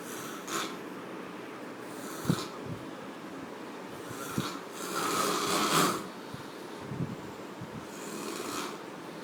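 Loud, rough, irregular snoring with snorting breaths in a quiet room; snoring.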